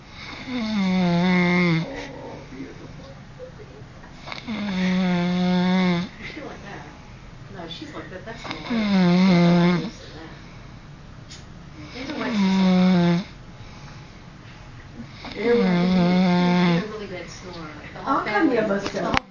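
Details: A person asleep on a couch snoring heavily: loud, rattling, tonal snores on each inspiration, about 17 per minute, separated by quiet exhalations.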